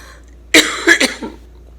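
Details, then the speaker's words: Cough with hemoptysis in cystic fibrosis: two or three harsh coughs, then a softer one, as lung bleeding restarts after hypertonic saline treatment; the patient also reports pain and a hoarse voice. "treatments for my evening treatments I started coughing up more blood it's great news right but yeah it's locked down early afternoon so I thought that I was in the clear"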